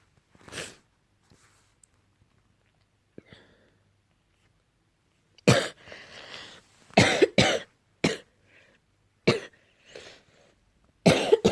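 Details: Adult morning cough, possibly allergy-related: a series of sharp, loose-sounding coughs with breathy intakes between them.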